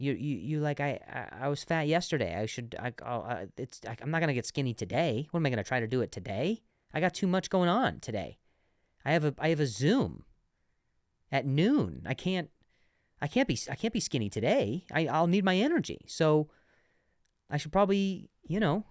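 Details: Adult male comedian who stuttered and still sometimes stutters, less than before, and has worked with a speech therapist, speaking on his own podcast; stuttering.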